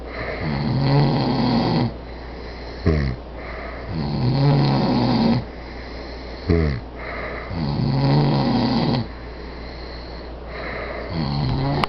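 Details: Two friends asleep in a room after a night out, snoring together, which the filmer calls sleep apnea: loud, rough snores about 17 times a minute with softer overlapping breaths between; snoring.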